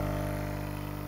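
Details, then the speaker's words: Cockatoo with breathing problems and heavy sneezing, suspected blocked sinuses, receiving a daily saline nebulizer treatment through a hole drilled in a container: steady low mechanical hum and buzz of the running compressor. "so i have our beautiful girl victoria she's having breathing issues you guys so i have the nebulizer going"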